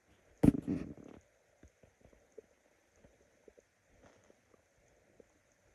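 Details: A brief gurgling rumble followed by soft scattered pops and bubbling from a hungry person's stomach; stomach growling (borborygmi).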